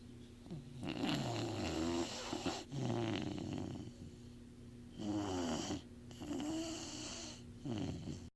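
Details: Snoring: rattling, fluttering noises on each breath, about four in eight seconds, with quieter gaps between.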